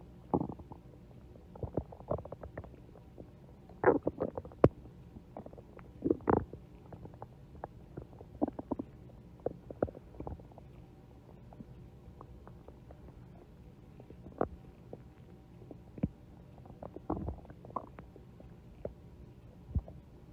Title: stomach growling (for @Amandaforbuddies2 )